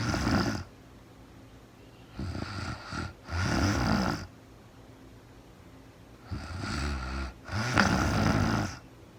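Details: Real-time recording of a woman asleep at night after being very tired, no talking, described as REM sleep: paired snorts and rattling snores on each breath, about 14 breaths a minute, with quiet gaps; loud snoring.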